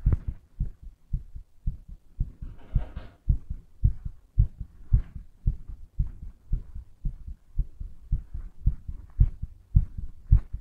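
Strong, quick thudding heartbeat, roughly 110 beats a minute, with paired beats and brief rustling noise.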